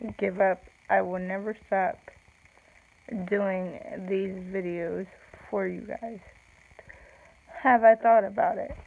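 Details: Slow speech with long pauses in an adult woman with cerebral palsy, real; no specific speech disorder is named.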